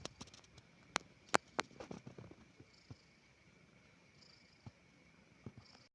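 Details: Soft rhythmic purring from a cat resting peacefully in the evening, with a few louder clicks and rustles at the start; ordinary contented purring.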